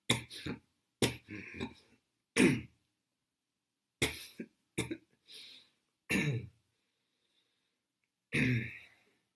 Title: Cough Detection for heath care